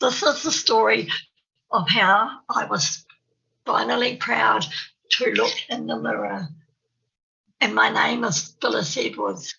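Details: Adult woman who describes herself as having a stammer, giving a presentation; stuttering.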